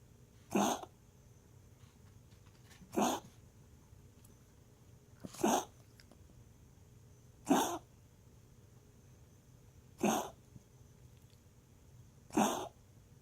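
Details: Dog coughing while resting: six single harsh coughs spaced about every two and a half seconds, with quiet between.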